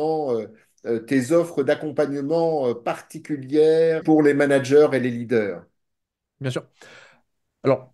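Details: Adult male speaker(s), French conversation; normal speech.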